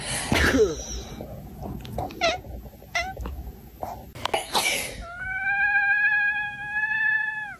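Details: Sneezing with cat reactions: a sharp sneeze burst, short cat chirps, a second sneeze, then a long meow.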